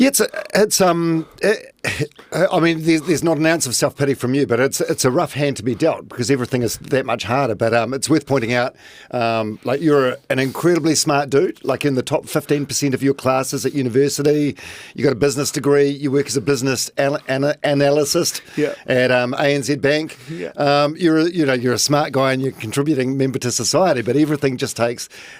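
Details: Adult male speaker; typical speech.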